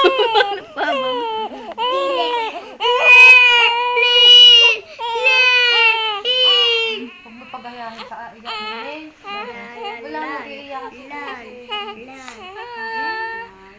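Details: Baby crying: repeated high-pitched wailing bursts easing into shorter whimpering cries; ordinary infant crying.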